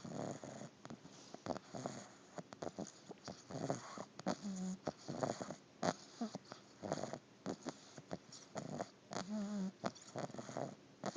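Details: Sleepy subject snoring: rapid, soft, snuffling snores, about a dozen short breaths, some with a faint whistling tone, in a quiet room.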